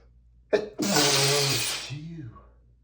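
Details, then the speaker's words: A man who is allergic to dust sneezes while reading aloud from a dusty book. A sharp intake leads into a loud, drawn-out voiced sneeze that trails into a groan. He says he can't stop sneezing. "Oh my god, I'm so sorry. I can't stop sneezing."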